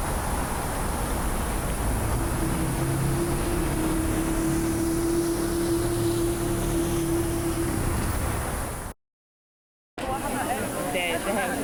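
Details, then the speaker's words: Flat, muffled city street and traffic rumble with steady hiss and brief dropout, simulating how a singer-producer hears with stress-induced sudden sensorineural hearing loss (SSHL) in the left ear, compared with normal hearing. "imagine yourself strolling down the city okay you hear noises you hear the environment cars passing by people chattering this is how usually it sounds like and this is how I listen"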